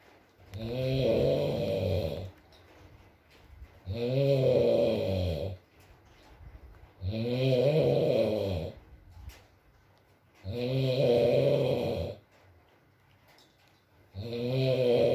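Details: Male snoring in an ASMR sleep recording: loud, regular buzzing snores on each breath in, about 18 a minute, with quiet breaths out between.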